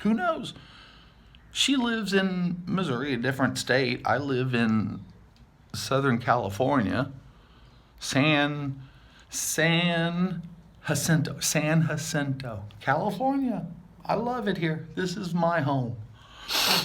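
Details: Adult man with aphasia after multiple strokes about seven years ago, with word-finding difficulty and hearing loss in one ear. Real speech showing aphasia.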